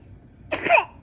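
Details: A newborn boy with a cold, being given cough syrup, gives a single short, harsh cough in a quiet room; infant cough.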